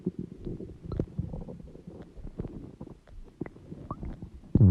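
Low, bubbling, gurgling rumbles with irregular squeaks, ending in a louder burst; ordinary stomach growling from gas and fluid moving through the gut.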